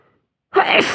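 A single sudden, forceful sneeze after a brief silence.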